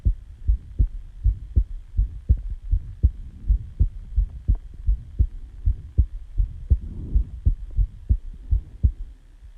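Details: Steady paired heartbeat thumps at about 80 beats a minute, self-recorded just after waking from sleep; normal heartbeat.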